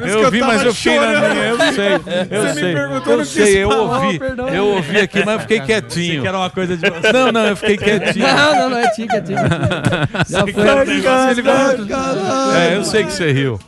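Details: Adult speaker, Portuguese; normal speech.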